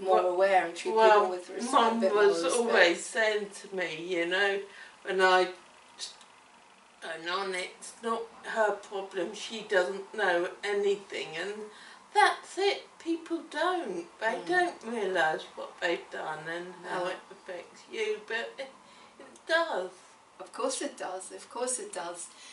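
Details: Woman with cerebellar ataxia affecting her speech and coordination: ataxic dysarthria.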